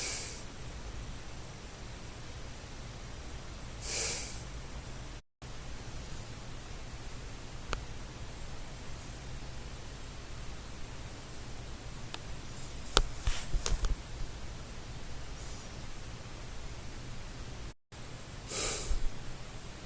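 Faint, soft breaths of a sleeper over steady room hiss, with no snoring heard.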